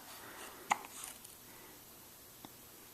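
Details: A seven-day-old newborn with hiccups after breakfast: two faint, sharp hiccup clicks close together in a quiet room.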